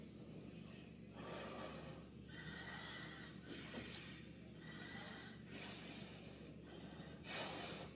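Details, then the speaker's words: Tidal breathing through an inhaler spacer, about six relaxed breaths in and out, demonstrated for emergency dosing when breathing is fast, in the context of asthma or COPD, instead of one long deep breath. "मुंह में रखा है इसको रेफ्ट किया और आप इसी में ही सांस लेते रहे इसी में निकालते"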